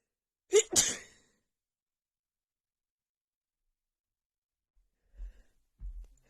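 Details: Female with a cold and unbearable nasal tickle, during a sneezing attack: one forceful sneeze with a quick double burst, then quiet and faint breathing afterward.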